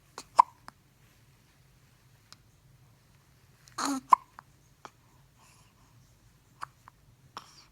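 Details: Infant hiccups: short, sharp catches of breath spaced irregularly, with faint quieter clicks between, in a quiet room.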